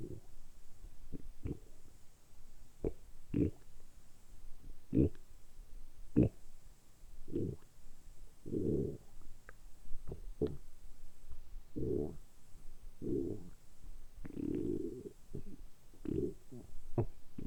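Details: Deliberately produced stomach rumbling recorded close up for ASMR: repeated low gurgling and rumbling bursts, some drawn out; borborygmi.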